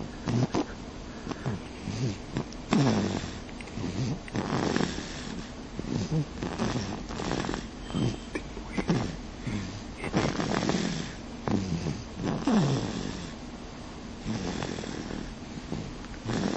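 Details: Sleeping baby snoring: irregular snorting, rattling snores with each breath, roughly 20 a minute.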